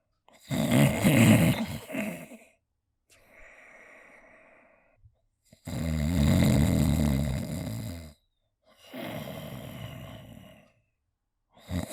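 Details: Self-made imitated adult snoring sound effect: loud rattling inhaled snores alternating with softer exhaled breaths, about 11 breaths a minute, in a quiet room.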